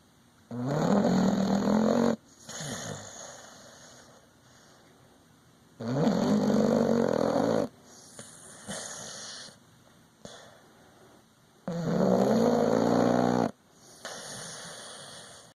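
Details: Sleeping dog snoring: loud, rattling snores on the in-breath, about three over fifteen seconds, with quieter out-breaths between.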